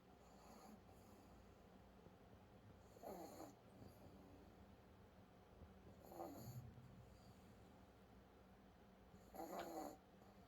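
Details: Sleeping pet snoring: soft, snorting snores roughly every three seconds over a steady room hum.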